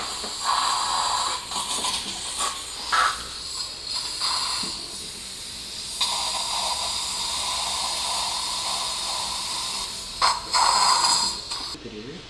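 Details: Hissing suction, water spray, intermittent bursts and slurping during guided immediate implant placement at tooth #13 after extraction for crown-root fracture, with dual zone graft; dental surgical instrument sounds.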